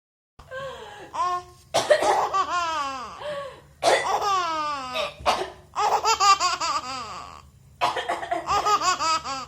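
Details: Baby laughing in high, rhythmic bursts in response to a few short, deliberate coughs from someone nearby; voluntary cough with infant laughter.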